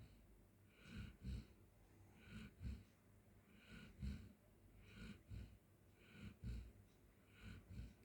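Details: Golden Retriever asleep on the floor: soft, regular double-puffed snorting breaths, about eight in eight seconds, low and rumbling; a sleeping dog snoring.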